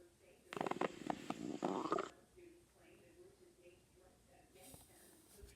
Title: stomach growling